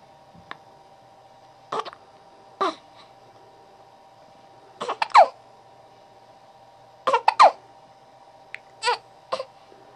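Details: About one-week-old baby girl with hiccups: brief, abrupt catches repeating every few seconds, some with a small vocal squeak; hiccups.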